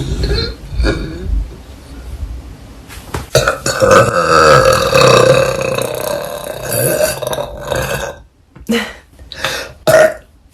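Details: Loud, drawn-out belches one after another, with brief gaps and room noise between them; burping.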